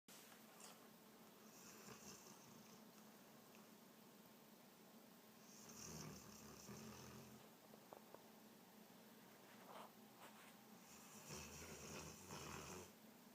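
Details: Quiet snoring with a soft, low rattle on three slow breaths, in a quiet room with a faint hiss.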